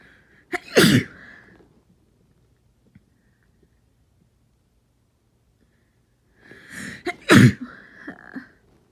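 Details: With a cold, sneezes not induced and too strong to stifle: two forceful sneezes, each with a short inhaled build-up before an explosive burst, separated by silence; sneezing.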